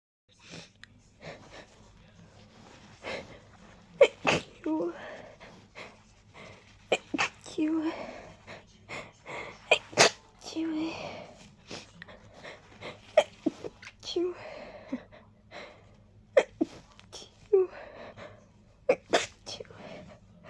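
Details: Tickly nose: a long run of rapid, forceful sneezes in quick succession with sharp catching breaths between; repeated sneezing fit.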